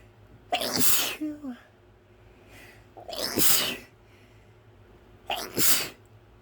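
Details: Three forceful sneezes a few seconds apart, each a sharp burst of air, with a faint voice between the first two.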